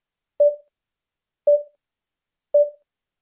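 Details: Bedside vital signs monitor in a hospital, from a sound effect recording: three evenly spaced clean tone beeps, about one per second.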